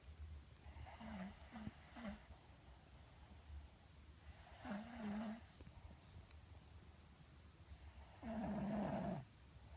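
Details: Sleeping dog: soft, rattling snores in three bursts at an irregular rate of about 16 a minute, in a quiet room; snoring.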